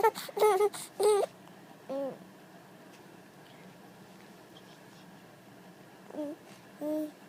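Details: Infant giggling: a quick burst of giggly vocal sounds, then a few short, abrupt, squeaky hiccups.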